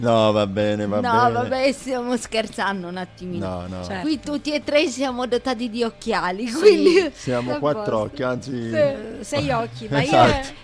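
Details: Adult male radio host; normal voice.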